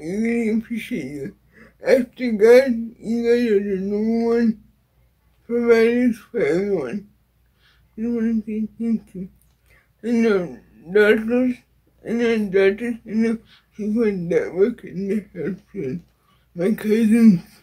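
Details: Dysarthria in a woman with cerebral palsy.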